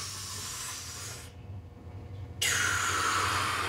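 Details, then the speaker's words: Man with a tracheostomy imitates the huge machine-driven breaths he took while being weaned off a ventilator: loud, forced hissing breaths with a brief pause. "And then I would go from taking huge breaths to taking a little bit smaller until I was at the point where I could breathe normally. Before I would go like,"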